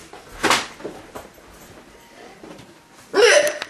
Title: has the hiccups